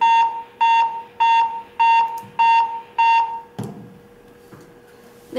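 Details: RC-AED7000 automated external defibrillator demonstration during practice: six regular loud beeps after the shock button press, then quiet; AED alarm tone.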